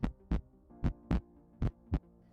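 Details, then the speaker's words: Healthy heart: regular lub-dub heartbeat at about 75 beats a minute, normal first (S1, AV valve closure) and second (S2, aortic and pulmonary valve closure) heart sounds. "When a healthy heart beats, it makes a lubdub sound."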